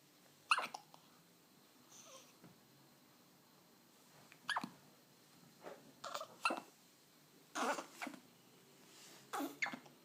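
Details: Hiccups: several brief, sharp hiccup sounds at irregular intervals, about seven over ten seconds, in a quiet room.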